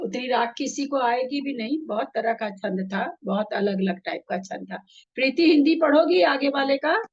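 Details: Adult woman speaking Hindi; Normal speech.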